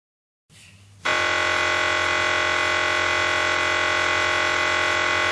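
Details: MRI scanner acoustic noise, from a demonstration of noise-reduced "silent" MRI scanning: a brief quiet hum, then a sudden loud, continuous buzzing drone with fast, regular gradient pulsing.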